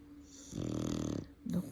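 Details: A sleeping Exotic Bully dog snoring: a short, buzzing snore on one breath, followed by a softer snort.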